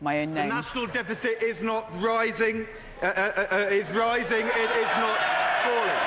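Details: Adult man, a former cabinet minister who has a stammer, speaking in a public role, with audible hesitation and repetition; stuttering (stammering).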